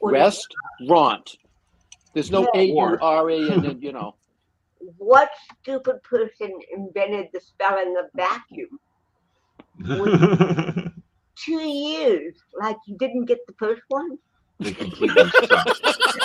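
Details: Dysarthria in a woman with cerebral palsy present since birth in 1956; real, not acted, conversational speech.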